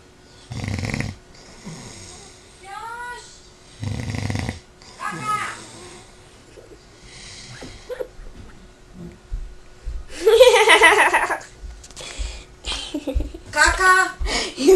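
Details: Short rough snoring breaths mixed with squeaky vocal sounds and nearby voices; snoring during sleep.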